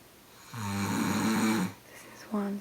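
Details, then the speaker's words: Adult man snoring very loudly within seconds of lying down after a birthday celebration, ongoing about 30 minutes: loud drawn-out buzzing inspiratory snore, then the start of another; snoring during sleep. "really loud snore. It's been going on for like 30 minutes. And I can't sleep."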